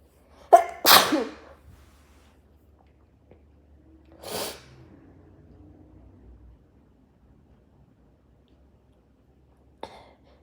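Two quick sneezes, muffled into cloth, followed by a nose blow and a brief sniff.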